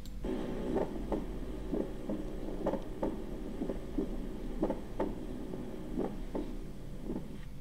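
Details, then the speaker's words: Normal S1 splitting with arrhythmia, thought due to mitral closure followed by an aortic ejection sound: irregular heartbeat around 55–60 a minute, with the first heart sound heard as a close double sound. "This was split first heart sound. Okay, this was S1 splitting. This S1 splitting is normal."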